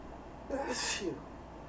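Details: Man with allergies: quick indrawn gasp, then one forceful hissing sneeze, an allergic sneeze.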